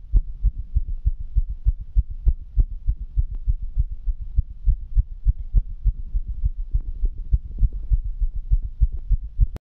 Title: Fast heartbeat ❤️❤️